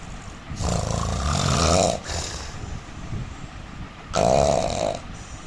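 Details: Loud, rough rattling inspiratory snores from an Indian man, two in about five seconds with a quieter breath between; heavy snoring.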